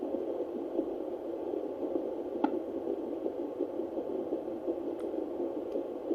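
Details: Fetal heartbeat found by Doppler at 8 weeks 1 day of pregnancy: faint, rapid rhythmic pulsing under steady hiss; too faint for the monitor to show a rate until week 9.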